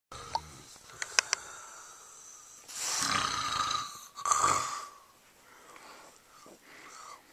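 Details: A sleeping person, recorded with a Flip Video camera, gives two long, rough, rattling breaths with a whistling tone, then quieter breathing: snoring.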